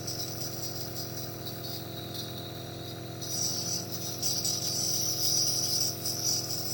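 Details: Nebulizer running for a 7-month-old baby with a cough: steady mechanical compressor hum with hissing spray; baby calm, no crying or coughing heard.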